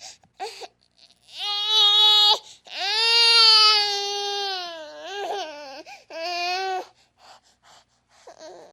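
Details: Baby sound-effect recording: several loud, high-pitched wails with brief catching breaths between them; infant crying.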